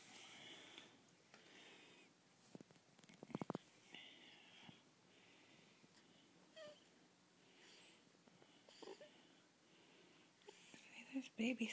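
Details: Snoring in a 2-week-old infant: soft, noisy, snuffly breathing while asleep, with a quick, regular rhythm.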